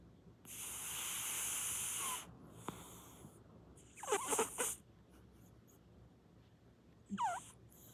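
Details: A sleeping cat snoring, with a long hissing breath followed by squeaky, whistling nasal sounds in irregular bursts, likened to a train.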